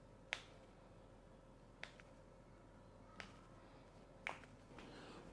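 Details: Chiropractic spinal manipulation of a patient with scoliosis and long-standing back pain, done while the patient exhales and relaxes: four sharp, separate joint cracks over about five seconds against a low room hum.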